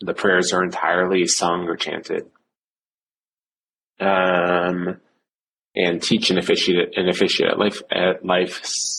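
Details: Stuttering in an adult male cantor with blocks, repetitions and secondary facial behaviours, severe since age seven.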